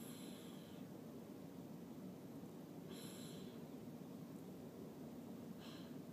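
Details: Snoring from a person asleep in a moving car: faint snores roughly every three seconds over the car's steady low rumble.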